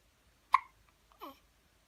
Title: Newborn hiccups